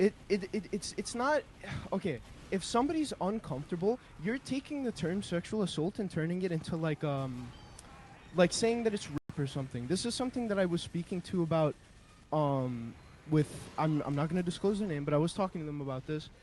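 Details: Stuttering in an adult man with a speech impediment said to worsen when yelled over (others dispute he stuttered much); part-word and word repetitions audible at the start.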